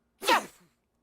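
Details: A single sharp, explosive sneeze, quickly fading, as part of a sneezing fit.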